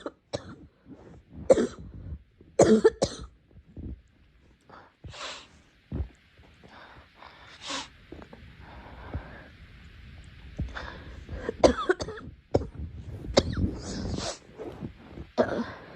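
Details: Girl coughing: repeated coughing in irregular bouts, about a dozen short coughs with some throat clearing and noisy breaths between them.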